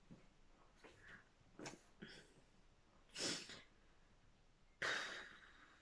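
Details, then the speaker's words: Person with Tourette syndrome during a tic attack before work while trying to rest on the couch, lasting about 10–15 minutes and worsening over recent months: sudden brief vocal bursts, sniffs and snorts at irregular intervals, vocal tics. "ah sorry i thought i'd make a video um because my tics again really bad i was like trying to chill out on the couch and uh and they were just getting so bad"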